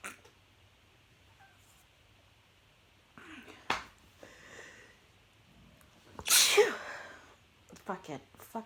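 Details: A single loud, forceful sneeze with a sharp burst of air from an adult eating pizza while tipsy, amid brief angry talk in a small room.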